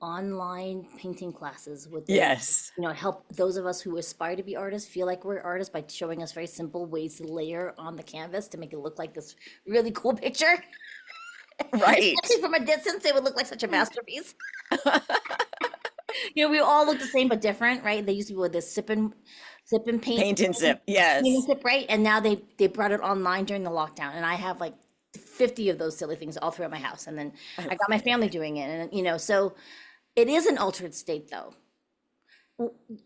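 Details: Adult woman in conversation; normal voice.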